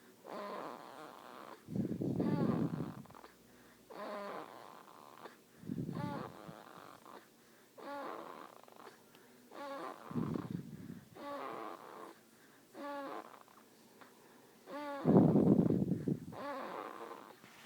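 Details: Person snoring again: repeated rattling snores on each breath in and out, with louder low snorts every few breaths, about twenty breaths a minute; snoring.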